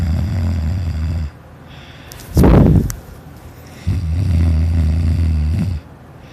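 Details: Child asleep, recorded as a kid, snoring loudly: loud, low rattling snores on two in-breaths with a snort between; snoring.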